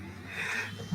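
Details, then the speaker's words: A sleeping dog snoring beside a livestream microphone: one soft, rough breath rising and falling over a steady low room hum. "I know for a fact it translates over the microphone very well, so sorry if you hear the snoring dog. He's a good boy, we promise."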